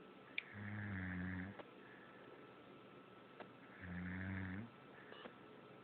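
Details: Sleeper, recorded and listened to nightly by the recorder, gives two slow, low rumbling snores on the in-breath about four seconds apart in a quiet room; snoring.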